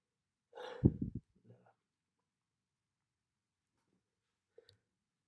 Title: 2021-11-29 Some sneezes and nose blows